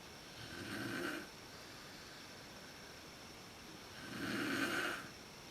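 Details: A mother snoring in a dark room at the start of sleep, when it is worst, recorded on a Canon PowerShot SX130 IS camera: two long, rumbling snores on the breath in, about three seconds apart, over a quiet room hiss.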